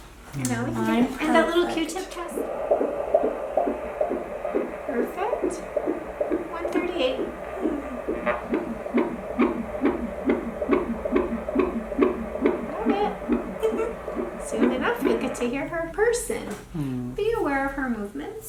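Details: Fetal heartbeat on Doppler at a midwife prenatal visit, 38 weeks pregnant: rapid, regular whooshing pulses at about 140 per minute, within the normal range.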